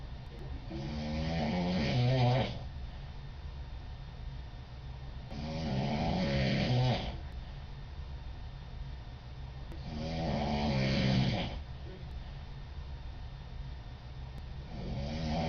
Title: Big Snoring Girl with my roomate !